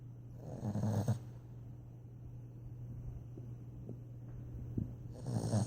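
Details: Dog snoring: a soft, low rumbling snore on a breath near the start and another at the end, with quiet breathing between and a steady low hum behind.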